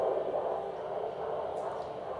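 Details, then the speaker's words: Normal fetal heartbeat heard with an electronic handheld Doppler placed below the umbilicus to the left during an obstetric palpation OSCE demonstration: steady, rapid whooshing pulse. "I'm listening for a little tapping in the distance and that's very clear and very normal"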